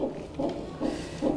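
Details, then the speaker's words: Fetal heart heard during a midwife's exam of a woman about to give birth in her 7th pregnancy: rapid, regular soft whooshing beats within the normal 120–160 range; normal fetal heart sounds. "mais au niveau des bruits du cœur de l'enfant, c'est bon. Ça va, ça situé dans dans la normale entre 120 et 160, c'est bon."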